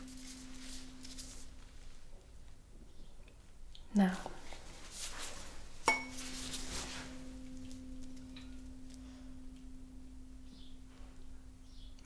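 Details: A struck tuning fork rings with a steady low hum and is restruck several times, placed on bony prominences to test vibration sense during a simulated ASMR shoulder neurological exam.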